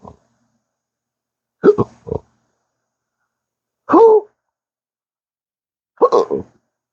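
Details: Chronic intractable hiccups with occasional burps, episodes lasting about 12 hours almost daily since December 2015 after surgery with nerve damage; sharp abrupt voiced hiccups recurring every couple of seconds, some doubled, worsened by talking.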